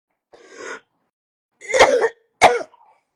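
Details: A soft throat clearing followed by two sharp, somewhat wet coughs.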